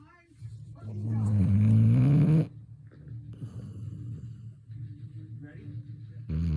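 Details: Snoring, either a Labrador retriever or her owner: a loud, low rumbling snore for a couple of seconds, followed by quieter low breathing.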